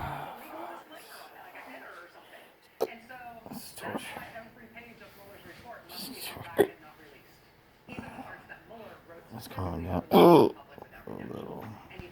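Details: Persistent intractable hiccups since December 2015, cause undetermined, with breathing and choking spasms: sharp, abrupt hiccups between speech in a small room.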